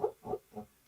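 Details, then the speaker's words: Sleeping dreaming dog snoring and making little bubble noises like he's underwater. "he's dreaming can you hear that he's snoring and he's making like little bubble noises like he's underwater"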